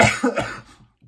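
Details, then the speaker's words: One loud, harsh cough burst with a short second push, fading quickly, from an adult man on day 12 of COVID-19; the cough is triggered by talking and hurts, with oxygen saturation 97–98%. "my cough seems to be a little better but it's still it's still there when i talk so the more i talk more"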